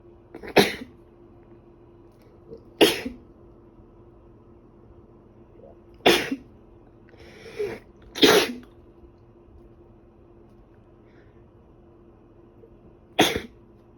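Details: Woman with a cold, sneezing badly for about three days and improving: several sharp explosive sneezes at irregular intervals with softer sniffs or breaths between some.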